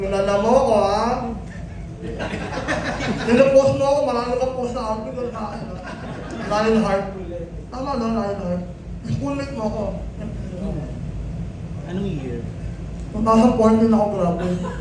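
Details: Male cast member of a film about people with nasal speech (ngongo), describing his own nasal speech, for which he was imitated and bullied in high school; hypernasal speech.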